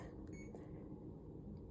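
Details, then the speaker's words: Short high electronic key-press beep over quiet room hum from a CADD-Solis infusion pump pre-programmed for TPN, as stop/start is pressed to start the pump after checking the reservoir volume; infusion pump key beep. "If this is correct, then you click stop start."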